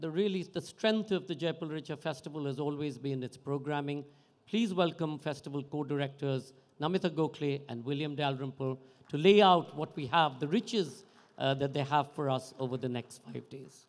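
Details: Adult male speaker on a public address; normal voice.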